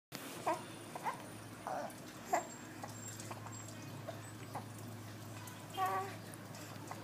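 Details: About five or six short, squeaky voiced catches spaced roughly a second apart against a quiet room hum: infant hiccups.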